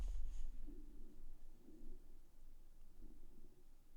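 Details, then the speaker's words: Stomach growling from a hungry adult while they talk: quiet, low rumbling gurgles in three short waves. "I don't know if you hear that my stomach's growling I'm getting hungry"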